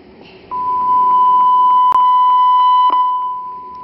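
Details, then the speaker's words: A steady high electronic alarm-volume test tone from a Puritan Bennett 980 ventilator, with soft clicks as the volume is adjusted by knob or touchscreen. "the next one is the alarm volume so I can use the knob or I can use my finger on this"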